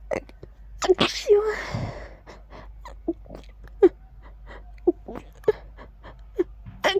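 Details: Rapid series of about seven sharp sneezes deliberately voiced as a clear "achoo" in a quiet room: repeated sneezing.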